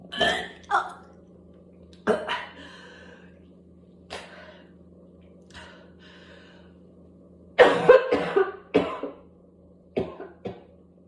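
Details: A coughing spell from whooping cough, described as barking, continuing until gagging, spitting and vomiting; paroxysmal cough (whooping cough).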